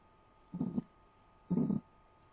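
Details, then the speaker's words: Heart beating harder in hypertension with atherosclerosis (cholesterol buildup on artery walls), in a grade 8 biology lesson: two heavy, low heartbeat thumps about a second apart, forceful heartbeat. "as you can hear the heart try to beating harder to reach the blood to other parts of the part of the body because here we have a neuro arteries because of building up the cholesterol or fatty material on the wall of arteries"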